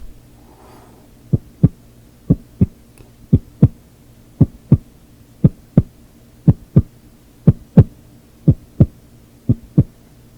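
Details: Clear, steady paired lub-dub heart sounds at about 60 beats a minute, regular rhythm, heard through a stethoscope during a role-played ASMR cranial nerve exam.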